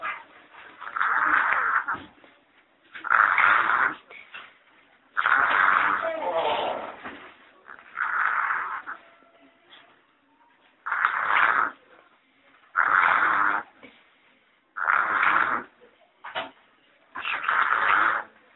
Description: This child is suffering from sleep-related breathing disorder. He has a very large adenoids and tonsils obstructing his way to normal breathing.